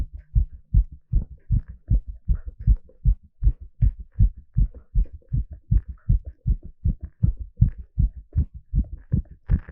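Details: Heart sounds recorded live during an ECG exercise stress test; fast, steady, regular low thumps with no extra noises at a raised exercise rate; normal heart sounds.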